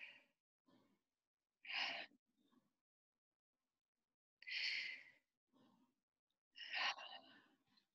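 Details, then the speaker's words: Deep breathing on request while a nurse listens with a stethoscope on the back, in a demonstration of a sick-visit check: three deliberate deep breaths, each a loud airy inhalation and a softer exhalation, in a quiet room. "I'm gonna ask you to take some deep breaths okay ready"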